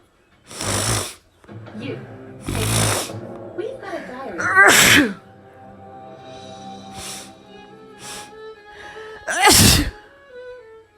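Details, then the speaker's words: Several loud, explosive sneezes with quiet gaps and faint background music; sneezing deliberately induced by smelling a soap the person is allergic to. "okay so you guys i have this soap that i'm allergic to so i'm gonna kind of smell it and it'll do the trick"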